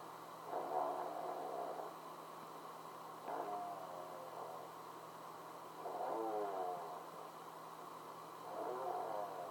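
Four rhythmic, fluttering rattles recur about every two to three seconds over a steady low hum, typical of snoring.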